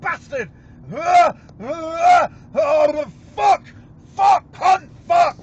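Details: Burst of involuntary swearing tics from a UK man with severe Tourette syndrome; vocal tics with coprolalia (Tourette syndrome).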